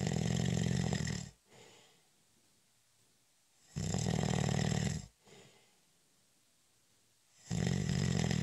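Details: Loud, low, rattling snores on each in-breath, about every three seconds, with quieter exhalations between, during a short, light nap; habitual snoring.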